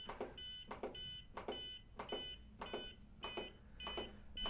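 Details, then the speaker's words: Zoll X Series Advanced monitor in manual CPR mode: a metronome set to 105 compressions a minute gives short double-tone beeps over the thumps of chest compressions, cueing one compression per beep, with prompts to push harder and speed up. "the beeping that you hear is set at 105 compressions per minute you'll only hear that when you're doing manual CPR so every time he hears a beep he should do a compression"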